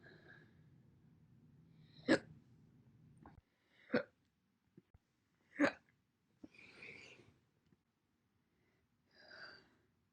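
Short, sharp, separate hiccup sounds, about four across ten seconds, joined from different recordings, with quiet room noise between.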